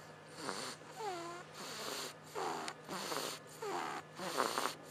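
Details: Regular noisy breaths with a squeaky, whistling catch, about 25 a minute, over a steady hum, from a sleeping baby: snoring.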